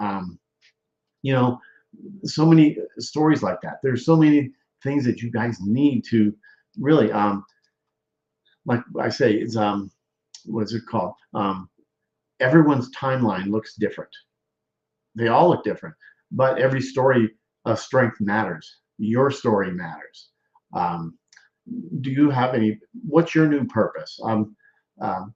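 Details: Adult male speaker; aphasia after stroke (word-finding difficulty).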